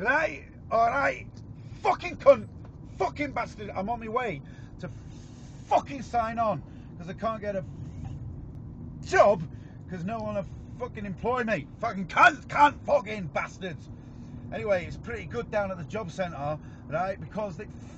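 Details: UK man with severe Tourette syndrome whose speech is interrupted by involuntary swearing and vocal tics; vocal tics with coprolalia (Tourette syndrome).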